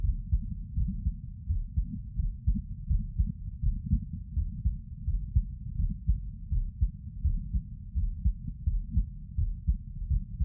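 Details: Normal heart sounds recorded with the person sitting: steady, low, muffled thumps at about 83 beats a minute with a fairly even rhythm.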